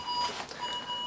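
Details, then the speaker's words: Home oxygen monitor for a premature baby with chronic lung disease, heard while packing equipment for travel; steady electronic alarm beeps over faint room noise. "I'm going to turn this off so it stops beeping but you're gonna have to unplug it from the wall"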